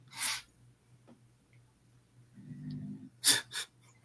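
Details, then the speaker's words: Bulldog sleeping behind the owner during a live video chat: snoring with a low rattling inhale and sharp snorting, hissing breath bursts. ">> I don't if you can hear I got my bulldog snoring behind me. >> I was going to ask is that me is that me? >> Yes. He's like literally right behind me snoring."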